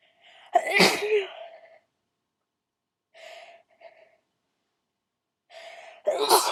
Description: hi thar. its a request, yes. (to do loud wet sneezes..)